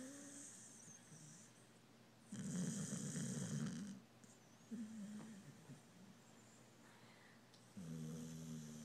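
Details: Snoring from Charlie, a sleeping dog: low rattling snores in long noisy breaths with quieter stretches between; ordinary snoring.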